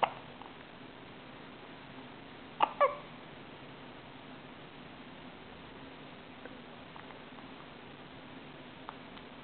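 Two quick, abrupt hiccup sounds close together against steady background hiss: hiccups.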